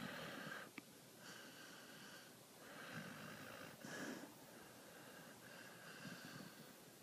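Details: Sleeping dog, eyes rolling and twitching, giving soft, noisy snorting snores every second or two over room hiss; snoring.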